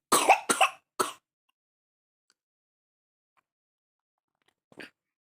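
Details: Baby with a severe cough: a quick run of three harsh coughs, then quiet and one faint small sound.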